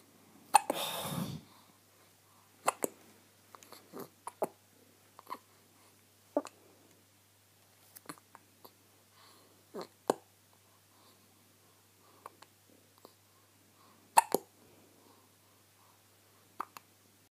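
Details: Baby girl's first hiccups: about a dozen brief, sharp catches at irregular intervals over seventeen seconds, after one longer noisy sound at the start.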